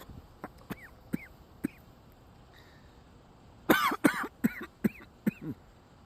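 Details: Man outdoors coughs: faint sounds, then about five loud, harsh coughs in quick succession with light outdoor background noise.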